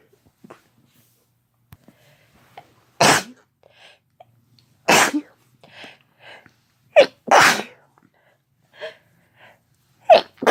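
Five loud, sharp sneezes, each with a brief intake before the burst, separated by quiet breaths; ordinary sneezing.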